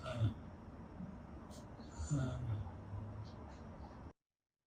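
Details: Man in his 40s with ALS (neurodegenerative disease), clinical trial participant, trying to talk; speech very difficult if not almost impossible to understand; severe dysarthria.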